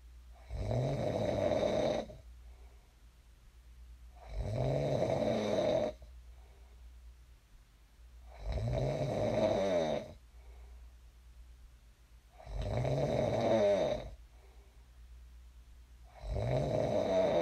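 Loud, rattling snores on each in-breath, about 15 a minute, with quiet exhalations between.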